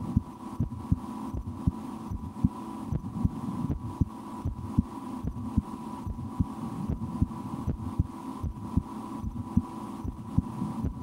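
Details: Own heartbeat through a stethoscope, at times breath-holding or raising the rate during a game, stomach digesting after lunch: steady low thumps at about 78 a minute over a steady hum; normal adult heart sounds.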